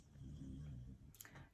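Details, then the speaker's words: Dog snoring in the background: a low, rumbling, rattly snore from the sleeping dog, ending with a brief snuffle and click. "so you want to know if somebody wants to have a if you hear that in the background my dog is snoring"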